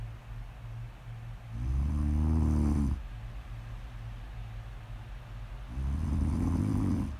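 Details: Deep, low rumbling snores on two breaths with quieter breathing between, in a quiet room; ASMR snoring audio of ordinary sleep snoring.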